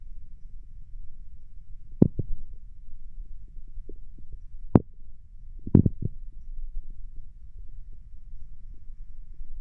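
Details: Person lying down: a few brief, irregular gurgles and clicks over a quiet low hum; bowel sounds, ordinary stomach rumbling.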